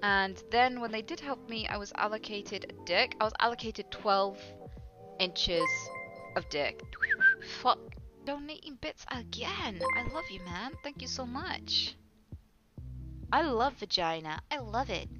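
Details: Female streamer with Tourette syndrome whose attempted speech is repeatedly interrupted by involuntary swearing tics; vocal tics with coprolalia (Tourette syndrome).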